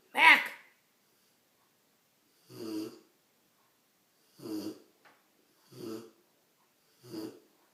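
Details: Big Rottweiler puppy snoring loudly: five short, raspy snuffling breath noises about every second and a half in a quiet room.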